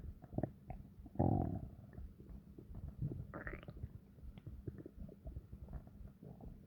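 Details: Long, low, deep stomach growls with gurgling, rumbling and bubbly pops; ordinary bowel sounds (borborygmi).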